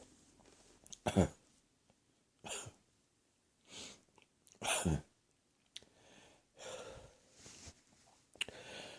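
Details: Coughing at night, cough said to be heading for the chest: chesty cough.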